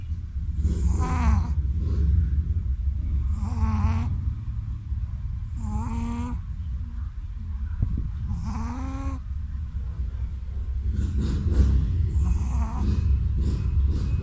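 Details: Rhythmic snorting snores with a nasal, whistling tone from a sleeping Shih Tzu after a bath, over a steady low background rumble; dog snoring.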